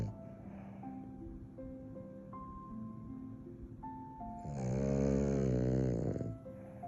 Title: Post Pool Time Puppy Snores. Hercules! #Frenchie #BostonTerrier #Frenchton #Snoring #Snore